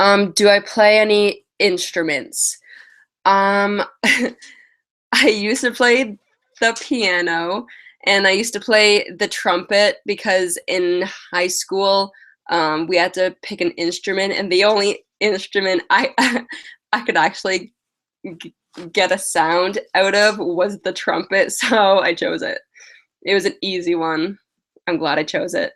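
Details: Adult woman with lifelong stuttering, past speech therapy, mostly blocks, especially on vowel-initial words and on 't' and 'c' words; uses prolonging words and slow speech; has a cold and is tired; stuttering.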